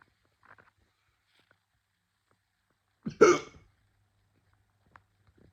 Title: Hiccups again